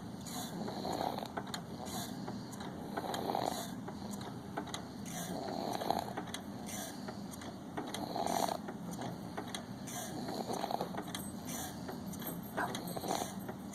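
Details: Six-month-old infant snoring: soft, regular noisy breaths with a rattly, snuffling quality about every two seconds under steady background noise; snoring.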